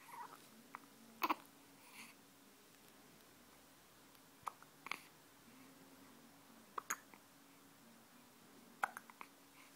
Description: Two and a half week old baby with hiccups